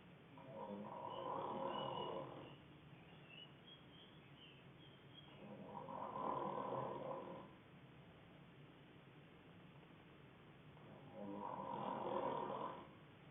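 Three slow, fluttering snores in about 13 seconds, roughly 14 breaths a minute, over a steady hiss.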